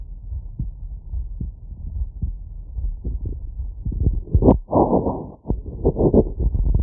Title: Heartbeat auscultation stethoscope heart sounds normal